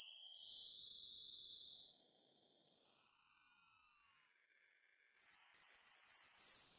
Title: Hearing test online | Find your hearing level with this video #hearingaid #hearingdevices